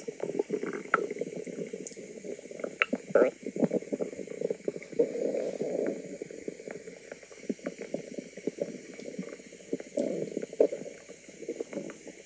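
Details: Woman's own stomach recorded: continuous bubbling, gurgling rumbles with frequent squelches; active, noisy bowel sounds (borborygmi).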